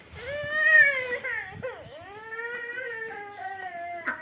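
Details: Young child refused the jam or jelly they wanted to eat. Long, wailing, rising and falling bursts of crying: crying (tantrum).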